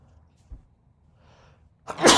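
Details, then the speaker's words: Single ordinary adult sneeze in a quiet room during an online worship call: a faint breath in, then one sudden explosive burst of air. "oh sorry I'm G to sneeze"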